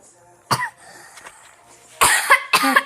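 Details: A child gives a run of sharp, harsh coughs, the later ones louder and partly voiced.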